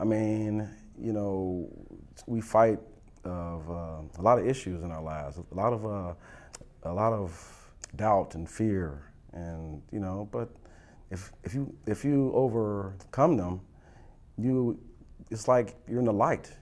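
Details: Adult with stuttering; stuttering.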